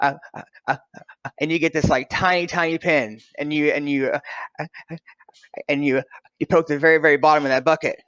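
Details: Adult man who has stuttered since childhood; his son also stutters; finding: stuttering.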